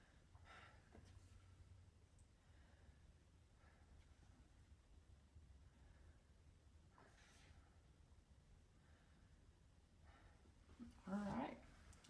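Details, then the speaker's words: Girl lying on a couch during a chest and lung exam, taking deep breaths: soft, even breaths every few seconds in a quiet room, normal breath sounds. "And again, all that sounds good. So, she's got some good lungs."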